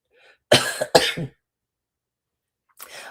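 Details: Two sharp, close coughs from an adult, then after a pause a softer throat-clearing sound; the speaker says they fell asleep wheezing the night before. A plain cough.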